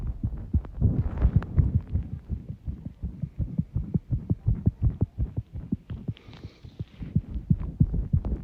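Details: Heart sounds under pressure, tachycardia: rapid, muffled heart thumps following each other closely, a fast heart rate.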